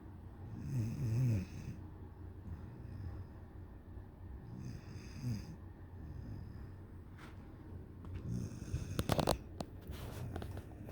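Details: One-year-old dog sleeping against her owner: soft, low rumbling snores repeating with each breath, about three to four breaths in ten seconds; ordinary sleep snoring.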